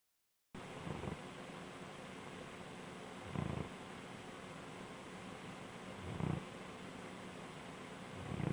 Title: Gus the Snoring Bloodhound